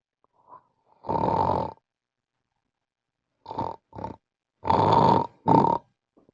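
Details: Loud, harsh snoring bursts with a long silent gap from a person with severe obstructive sleep apnea; extremely loud snoring that disrupts family members' rest.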